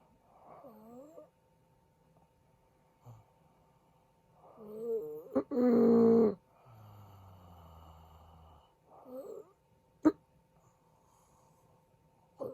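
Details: Rough, rattling snores in bursts with pauses and one loud prolonged snort from a sleeping husband; hashtags raise sleep apnea and stopped breathing; snoring.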